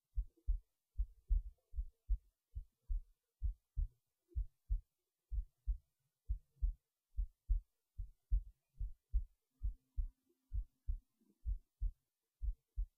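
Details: Steady paired low thumps, about 70 beats a minute, with silence between, recorded late at night while resting in bed before sleep; normal resting heartbeat.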